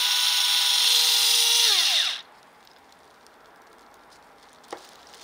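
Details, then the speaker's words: Paediatric intraosseous access demonstration with a magnetic-needle powered IO drill. The skin is pierced first, then drilled until a give is felt. High-powered drill whine for about two seconds, winding down sharply as it stops. "the key thing is to pierce the skin first and then you're going to drill until you get a give"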